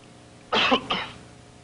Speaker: when you've got a cough from a cold you can't suppress it yourself you need a strong cough medicine